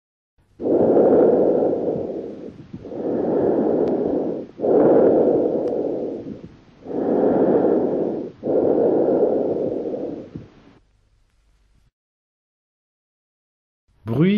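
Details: Tracheal breath sounds.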